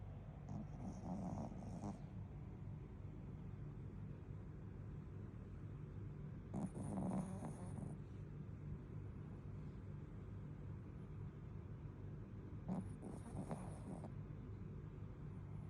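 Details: Sleeping Shih Tzu dog snoring: steady low rumbling breathing with three soft snorting snores about every six seconds.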